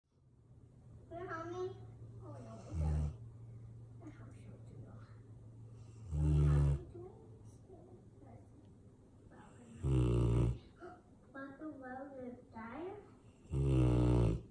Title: French mastiff MAKO SNORING